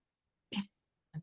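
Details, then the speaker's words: Female cat snoring in the background while her owner speaks. "And then I woke up in the middle of the night and had this epiphany. I'd always been very creative as a child, and when I very creative through college. Sorry, my cat is snoring."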